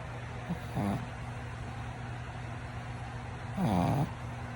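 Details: Sleeping pug snoring: two vibrating, wavering snores over a steady low hum from a machine.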